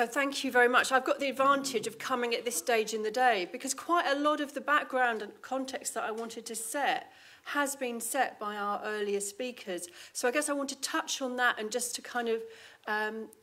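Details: Adult female speaker; normal speech.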